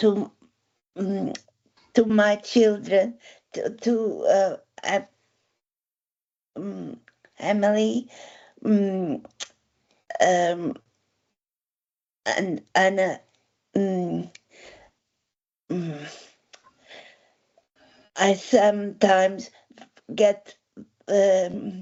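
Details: Woman with aphasia after a stroke eight years ago, helped by speech therapy exercises and home speech therapists; word-finding difficulty with word repetitions and substitutions; aphasia.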